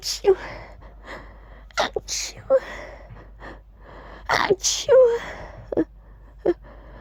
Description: I really tried to actually say "Achoo!" while sneezing. They sound so weird like this 😂 but it was fun to try 🤧